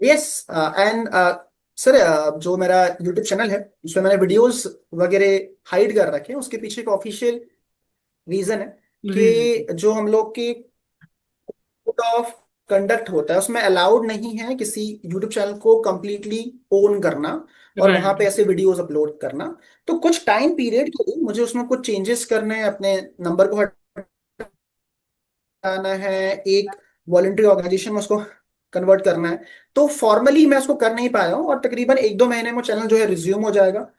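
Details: Adult man who has stammered since age 4-5, severe until about age 21, still stammering at times though managed up to about 98%; father also stammered; stuttering.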